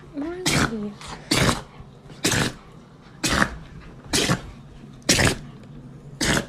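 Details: Dog sneeze attack: seven sharp, explosive nasal bursts about a second apart; a run of repeated sneezes.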